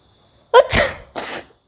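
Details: A woman's sneeze during a sneezing challenge: a single forceful sneeze with a quick in-breath and vocal onset, then a sharp explosive burst of air.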